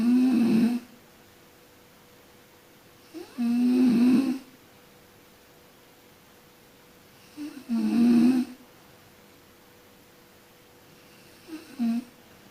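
Loud, rattling snores on each breath in, about four per minute, separated by quiet pauses; ordinary snoring during sleep.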